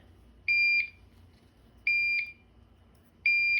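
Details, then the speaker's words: TPN infusion pump alarm after hooking up the central line lumen, pump left unattended: repeating pairs of high electronic beeps about every 1.4 seconds in a quiet room. "Okay, when the pump is unattended, it is gonna go ahead and actually alarm. You can silence the alarm with this button."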